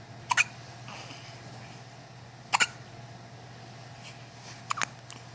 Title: More Baby Hiccups